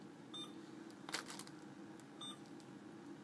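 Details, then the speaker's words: Two short electronic beeps with soft clicks between, keypress tones while selecting the drug and standard dose on a patient-controlled analgesia (PCA) infusion pump in a quiet room. "select the drug that you will be infusing standard dose and select if this is the right drug with the right dose within the syringe"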